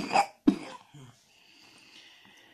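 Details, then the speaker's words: Two short, harsh, wet-sounding coughs from a young baby girl who had a bad cough and was sleeping on her parent after waking up crying; cough. "she's very well she's got a bit of a bad cough as you can hear"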